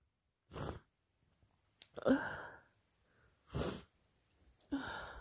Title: Exhausted drippy cold sneezes